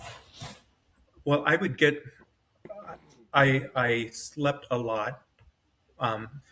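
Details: Adult man with self-rated mild-to-moderate aphasia after an AVM brain hemorrhage, surgery and a 10-day medically induced coma. He woke with right-side paralysis and severe aphasia, has foot drop, and has trouble finding words, with his brain working faster than his mouth.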